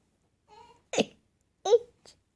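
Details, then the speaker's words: Almost-23-month-old toddler has hiccups while counting to 13: two abrupt, sharp voiced gulps about a second apart after a soft vocal sound; hiccups. "okay let's count oh you got the hiccups"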